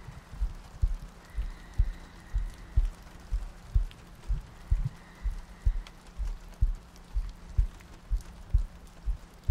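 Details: ASMR sleep-aid audio loop: steady low heartbeat thumps at about 62 beats a minute over soft rain ambience and breathing; regular heartbeat.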